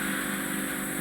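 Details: Endoscopic ear microsuction: a steady roaring suction hum as the machine removes very soft, mushy wax.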